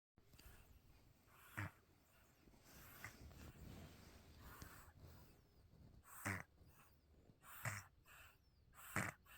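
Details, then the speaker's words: 3.5-month-old baby girl snoring: short snorting snores over a steady background hiss, coming irregularly every second or two. "You hear that little girl? She's 3.5 months old, snoring like a grown man. Cutest snores you'll ever hear."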